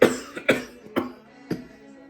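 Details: An adult who is sick, with a hoarse voice, gives four short, sharp coughs over faint background music.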